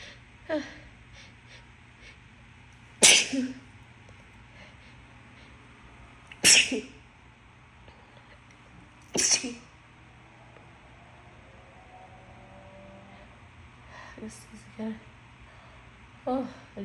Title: Announced sneezes for Easter